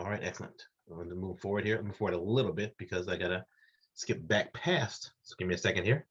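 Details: Adult man speaking; Normal adult speech.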